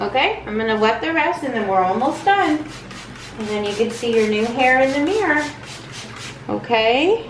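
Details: Adult woman; typical adult speech.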